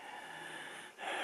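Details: Wheezy, crackly breathing.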